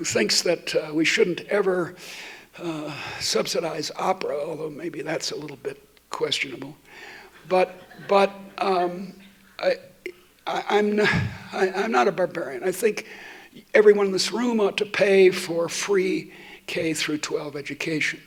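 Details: Adult woman who states she stutters, giving a keynote talk while she also has a terrible cold; repetitions heard; stuttering.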